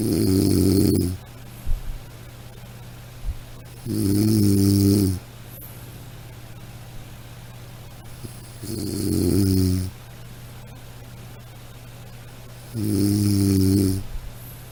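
Deep, buzzing snores on each breath in, about 15 a minute, over a steady low hum in a quiet room.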